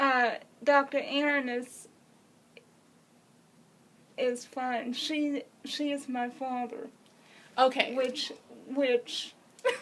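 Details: Adult woman with congenital cerebral palsy who uses a wheelchair, speaking; speech in cerebral palsy.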